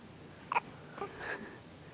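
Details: A baby's first hiccups: two or three brief, sudden catching sounds within two seconds over faint room noise; ordinary infant hiccups.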